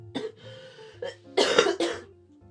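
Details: A few short, throaty coughs with throat clearing over quiet music, from a person with a lingering throat cold who coughs with every phrase, improving since the weekend.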